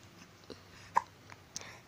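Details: Several soft, abrupt little gulping sounds at irregular short intervals in a quiet room; infant hiccups.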